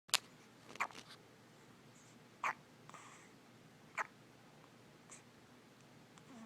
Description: Baby has the hiccups.